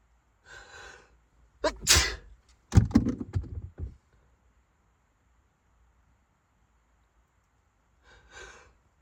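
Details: Sneezing fit while driving, bad enough that the driver had to pull over to avoid crashing: a quick run of forceful sneezes in a quiet car, with faint breathing before and after.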